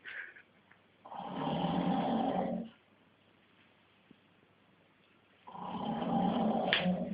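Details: Man filmed by his girlfriend while asleep after a hard day: two long, deep, rattling snores on inhalation with a quiet pause between, in a small room; deep snoring.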